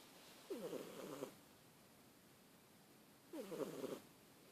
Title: Snoring fat cat!!